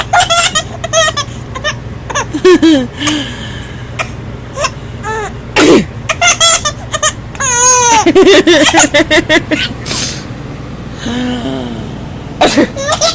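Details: Baby's short, sharp sneeze amid bursts of giggling and squealing laughter; sneeze.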